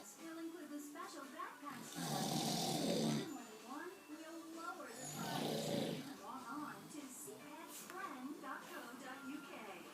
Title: My dad snoring very entertaining!